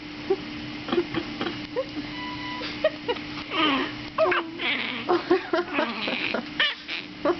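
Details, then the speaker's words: Infant girl with repeated hiccups: short, sharp catches of breath with small voiced squeaks between fussy whimpers, over a steady background hum. "girl oh we hate the hicups they're terrible"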